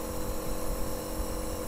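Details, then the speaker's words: Portable compressor nebulizer with adult mask, plugged in and switched on for a first-time trial: a steady low motor hum and buzz at a modest noise level, the sound of a compressor nebulizer running. "ఇక్కడ ఇది plug చేసుకొని on చేశాం and ఇది on off button ఇది of చేసుకున్నట్లయితే of అయిపోతుంది on చేసుకున్నాం ఇక్కడ నాయిస్ కొంచెం ఉందని చెప్పుకోవాలి మరీ అంత"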